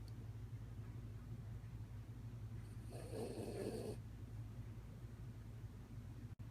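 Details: Sleeping dog: steady low rumbling with one louder rough snore against a steady background hum; snoring.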